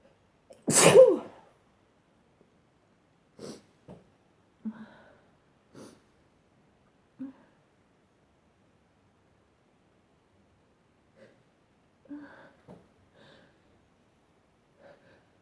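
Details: Person sneezing repeatedly: one strong, forceful sneeze followed by smaller stifled sneezes and soft sniffs in a quiet room.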